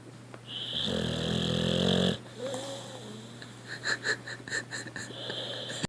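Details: Loud, rattling, drawn-out snore followed by quieter snuffling and squeaky nasal breaths from a puppy: puppy snoring.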